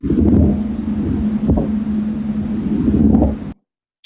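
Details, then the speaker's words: Lecture audio example of stridor, a wheeze-like sound from the upper airway (trachea or larynx), as with a swallowed foreign body or croup: steady, harsh, musical tone with low rumbling underneath; stridor. "Stridor is the last one on here. And this one actually is kind of a wheeze, but usually it's up in the throat. So it's usually like in the trachea, larynx, somewhere in there."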